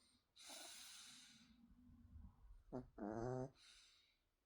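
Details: Snoring: two noisy, rattling breaths, the second with a brief nasal snort.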